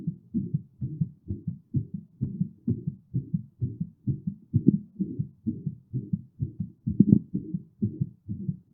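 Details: Heartbeat during and after physical exertion: fast, strong, regular thumps at about 130 beats a minute, normal exertional speeding.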